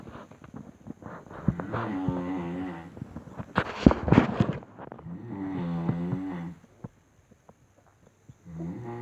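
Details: Snoring: rough, buzzing breaths recur with pauses between them; snoring.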